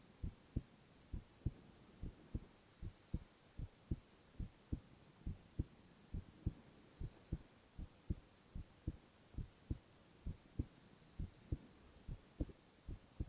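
Steady paired heartbeat thumps, about 68 beats a minute, over a soft hiss; a regular heartbeat.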